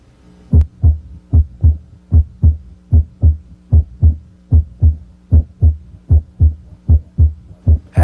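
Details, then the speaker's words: Stethoscope bell at the apical impulse, patient rolled partway onto the left side: the low third heart sound heard with light pressure disappears with firm bell pressure; regular paired heart sounds about 76/min. "notice how the third heart sound disappears when the Bell is placed more firmly on the chest wall listen again with light pressure with firm pressure and"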